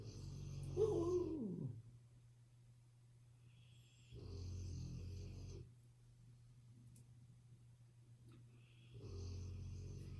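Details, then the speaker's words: Dog snoring in the background while a person talks. "can hear my dog snoring in the background there"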